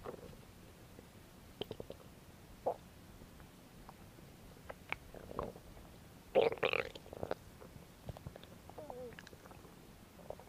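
Irregular gurgling, squeaky and bubbling belly noises with a louder burst of rumbling; ordinary stomach growling.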